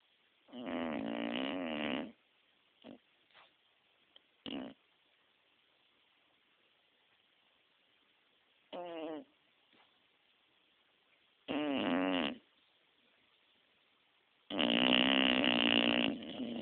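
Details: Sleeping dog snoring very loudly, irregularly in a quiet room: several longer rattling snores between short snuffles and pauses; snoring.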